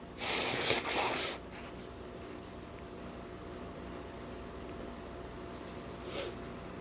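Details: Sneezing with some nose blowing, from someone who says they usually stifle sneezes; a sharp burst of sneezing or snorting, then room hiss and one smaller nasal snort.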